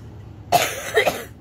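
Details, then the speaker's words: Woman who has been coughing a lot this week, coughing while talking: a single short cough trailing into a brief second burst. "but i've been coughing a lot this week so i've been postponing changing rearranging things so that i don't have to talk so much"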